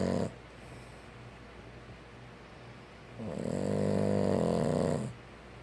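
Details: Sleeping Boston Terrier: loud, rattling snore on the breath in, with quiet breathing between breaths.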